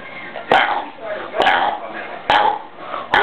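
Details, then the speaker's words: Deliberate burping in a burping contest between two girls: about four loud, rough, voiced belches in close succession, roughly one per second. "she burps like five times in a row like really loud"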